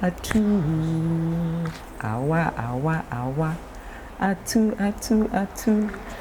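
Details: Adult speaker; stammering.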